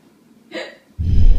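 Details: A single short, abrupt hiccup followed by loud, low rumbling handling noise; the hiccups are reported gone right after; hiccup.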